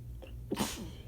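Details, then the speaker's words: Quick inward breath then one sharp explosive sneeze from a woman, part of a sneezing fit triggered by shower water accidentally sprayed up her nose, which burned first; recorded just after leaving the shower, air-conditioner noise in background. "With the shower head, and I miscalculated, and I got the water right up my nose. And so it burned at first. And then this started."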